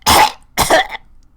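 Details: Cough from a speaker who says they are a little sick.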